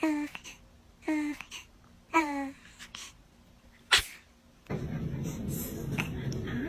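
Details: Baby: three short infant vocal sounds, then one sharp, explosive sneeze burst, followed by room noise; an ordinary single sneeze.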